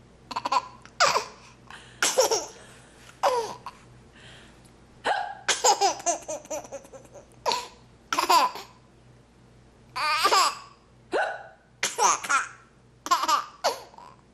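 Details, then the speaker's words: Hiccups in a person talking to a laughing child at dinner: short, sharp gulping hics mixed with bursts of the child's laughter, with faint background music. "i'm wondering why you think it's so funny that i have the hickupsy i just have the hicups i don't know why that's so funny"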